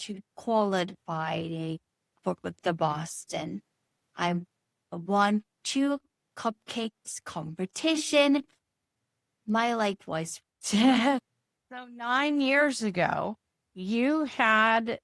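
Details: Adult woman, stroke survivor nine years after a brain bleed treated with surgery, with chronic aphasia and apraxia, struggling to produce a number; Broca's aphasia with apraxia of speech.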